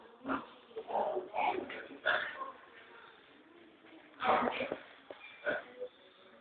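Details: Old man snoring in sleep: rough, rattling breathing noises in irregular bursts over a quiet room.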